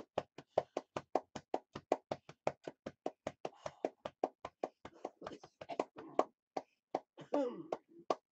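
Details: Rapid rhythmic hollow thumps, about 150 a minute, from hand percussion over the lower lobes during airway clearance therapy for cystic fibrosis, in a patient coughing up blood over the last two to three days; breathing noise between thumps.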